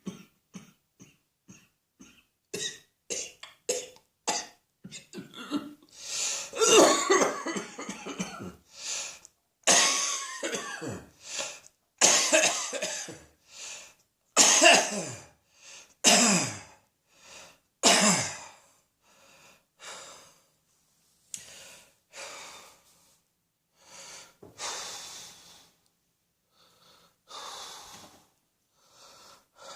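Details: Repeated coughing in irregular bursts, from short light coughs to louder harsh fits, with some throat clearing; cough.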